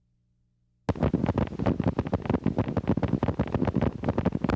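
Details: Myokymic discharges on needle EMG, teaching example; myokymic potentials are essential findings in myokymia-cramp syndrome, most often seen in Isaacs syndrome, demyelinating neuropathy, radiation plexopathy and timber rattlesnake envenomation.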